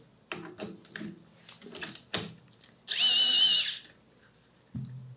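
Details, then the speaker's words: Tapping and clicks, then a brief high-pitched surgical power drill whine under a second: drilling for a 4.4 mm locking screw in an Expert tibial intramedullary nail. "Damos la broca, la guía, podemos medir ya sea con el medidor largo o con el corto."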